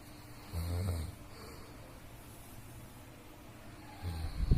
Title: Suara orang lagi ngorok .